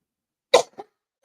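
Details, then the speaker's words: An adult woman who says a cough is bothering her gives a single sharp cough and a softer second burst in a quiet room. "Excuse me, y'all. This cough is killing me right now. I don't know why. I'm coughing so hard."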